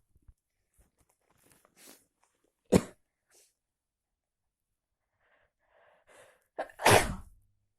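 Two sharp, forceful sneezes, each with a quick intake of breath before it, in a quiet room.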